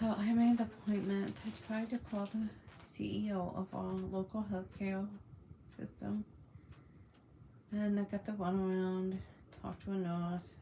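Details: Adult woman with functional neurological disorder on a day of worsening symptoms, reporting tremors, uncontrollable movement and paralysis, symptoms starting after eating; speech halting with pauses; functional speech disturbance.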